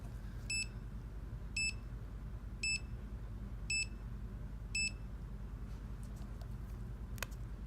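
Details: Five short high beeps about once a second in a quiet room from a malfunctioning CADD PCA 5800 / CADD Plus 5400 pain pump, dose button presses not registering: infusion pump beeping.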